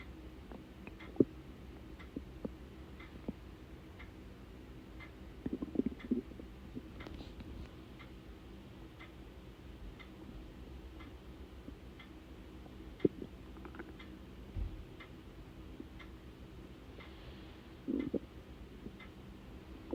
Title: hungry stomach noises before breakfast